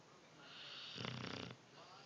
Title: Snoring dog